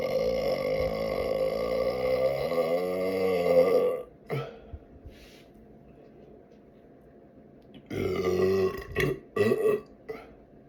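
A long, loud, drawn-out belch, then a pause and a few shorter burps; ordinary belching.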